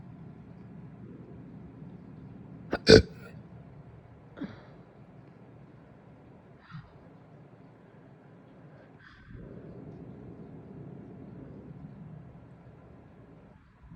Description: Some big burps led to some big hiccups after breakfast today!